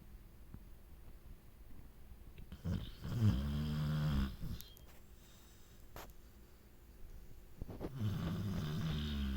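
Two low, rumbling snores several seconds apart with quiet breathing between; a dog snoring during sleep.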